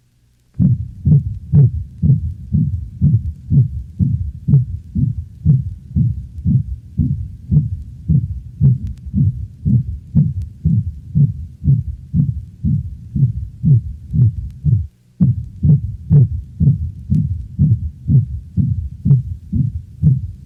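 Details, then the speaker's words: Dog, auscultated at the left caudal sternal border: rapid heartbeat at about 120 a minute with a harsh, mixed-frequency systolic murmur of mitral insufficiency (mitral regurgitation). "the sound just played represents the mixed frequency murmur of mitral insufficiency that is auscultated at the left chordal sternal border"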